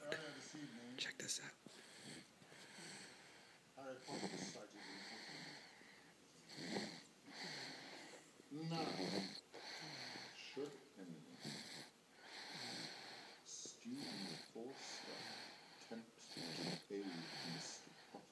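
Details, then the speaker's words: Napping on someone's lap, snoring very loudly: loud, rough, rattling breath sounds repeating every couple of seconds, some with a faint whistle. "hello today is Thursday and I have Jacob here on my lap and he's snoring really loud"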